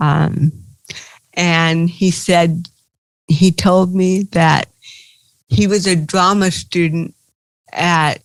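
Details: Dysarthria in an adult woman with cerebral palsy, a stand-up comedian.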